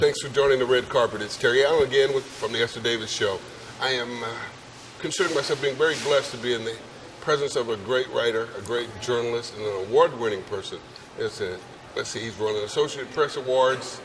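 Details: Adult man speaking; normal speech.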